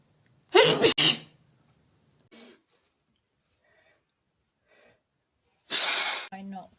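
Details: Female sneezing: two explosive sneezes with brief sharp breaths between, then a forceful airy nose blow.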